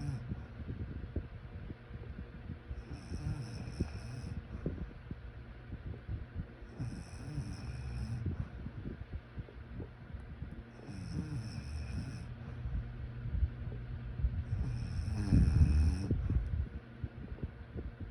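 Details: Soft, low rumbling breaths roughly every four seconds under steady room noise, faint repeated chirps in background; light snoring during sleep.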